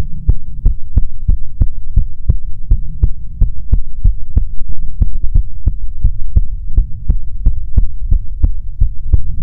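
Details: ASMR recording of soothing heartbeats: steady, regular low thumping over a soft constant hum; normal heartbeat.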